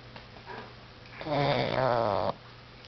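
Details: Female pug snoring while asleep and dreaming, face twitching in REM sleep, then snoring herself awake: one loud, rattling, throaty inhaled snort lasting about a second, then quiet; heavy snoring.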